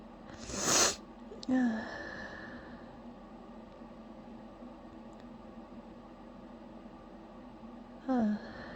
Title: i *almost* held this sneeze back...